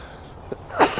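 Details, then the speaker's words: Single short, forceful adult sneeze after a quick intake of breath, announced by the speaker just before, recorded outdoors. "Would be good to have, well, I'm gonna sneeze."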